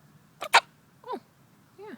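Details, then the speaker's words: Chicken (hen) gives two quick, sharp sneeze-like snaps followed by two soft falling chirps; owner unsure what the sound is and wonders whether to separate her: possible sneezing. "What is that sound? It sounds like you're sneezing. I don't know if that's good."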